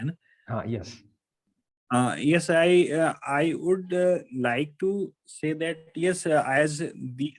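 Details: Adult member of a stammering support group who says he stammers, speaking spontaneously with extended word repetitions. Stuttering (stammering).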